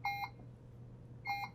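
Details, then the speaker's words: Puritan Bennett 560 ventilator in pressure support mode, pressure support around 15–17 above PEEP: two repeated high electronic tone bursts about a second apart over low room hum; apnea alarm, clearing once the patient resumes breathing. "All right, now I've got an apnea alarm. So I have an apnea alarm going off. We need to make sure that the patient is breathing."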